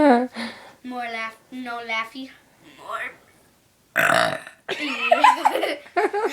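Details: Child deliberately burping on camera: voiced, drawn-out belches with some speech-like sounds in a quiet room.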